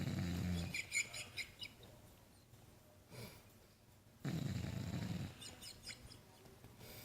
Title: Gator Snoring II